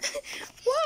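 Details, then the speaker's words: Young boy crying, comforted by his mother: soft whimpering then a brief high-pitched wail at the start of the cry. "Why are you crying little boy? Kiss mommy. Don't cry."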